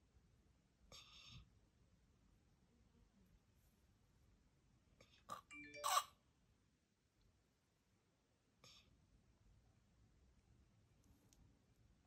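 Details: A woman in hospice care, in the actively dying phase, breathes very shallowly through a slack open mouth, then takes a final gasp: agonal breathing.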